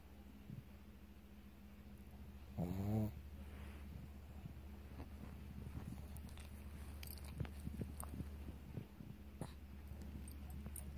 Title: Chaz my pug snoring. So funny 10.25.17